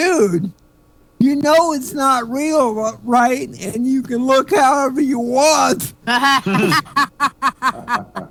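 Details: Adult male stand-up comedian with cerebral palsy; real dysarthria due to cerebral palsy.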